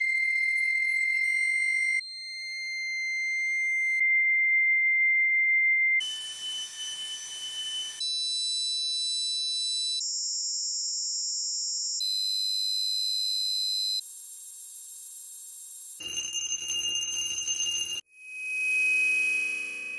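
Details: Simulated tinnitus sound effect: a series of steady high-pitched ringing tones and hiss, changing every couple of seconds.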